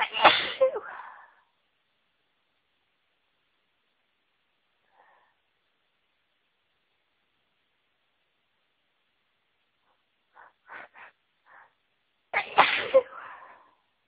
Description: There is a certain flower that always makes me feel really sneezy and I was around them today.... achoooo, achoooo, achoooo!!!!